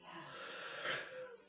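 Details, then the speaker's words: Simulated in a comedic "man flu" skit: a short, acted breathy inhalation with a faint whistling tone near its end, imitating a wheeze. "had did you hear that bit of wheeze there still?"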